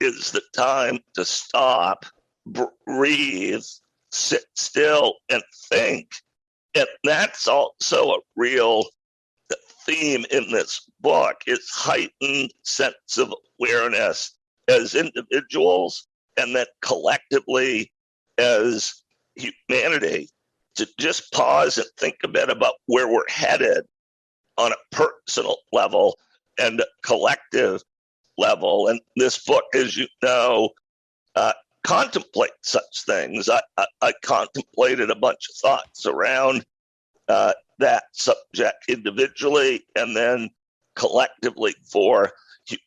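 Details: Adult male who acquired a rare neurological voice disorder in 2012 that made speaking difficult, still audible in his speech today; neurological voice disorder.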